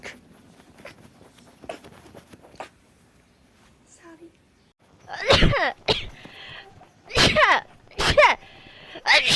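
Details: Girl sneezing rapidly: quiet at first, then a run of four loud sneezes in quick succession, some followed by a brief voiced sound; repeated rapid sneezing.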